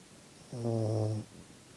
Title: Snoring sleepy puppy